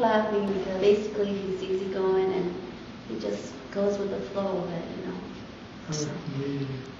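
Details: Adult woman speaking; normal adult speech.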